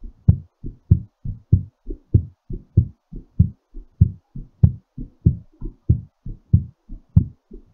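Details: Strong, regular low-pitched heartbeat at about 97 beats per minute, fast while recovering after exercise.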